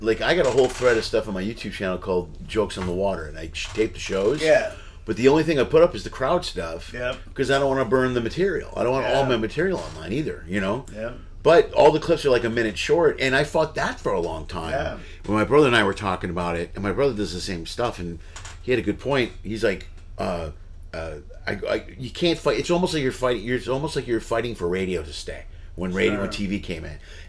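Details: Adult male speaker; plain speech.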